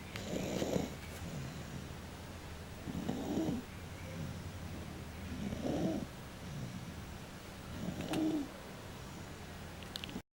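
Four low rattling snores on the in-breath, about 24 breaths a minute, steady room hum behind.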